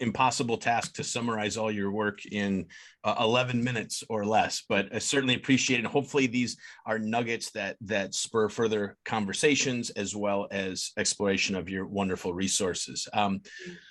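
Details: Adult man; typical speech.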